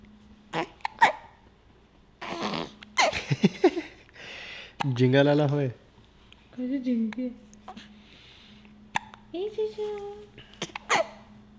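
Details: Baby girl irritated by her own hiccups: infant fussing and crying, with short abrupt hiccup catches breaking in between cries, over a steady low hum.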